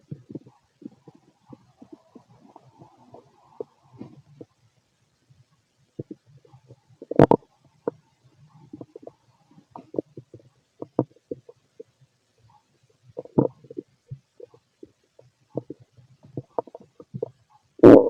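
Scattered gurgles, clicks and a few louder squelching bursts from the abdomen: ordinary stomach rumbling, normal bowel activity.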